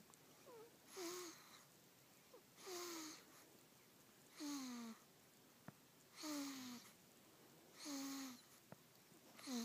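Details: Infant almost 3 weeks old, sleeping after a long day: regular squeaky, whistling noises with each breath, about 36 a minute, over a soft hiss; noisy, wheezy breathing, described as snoring.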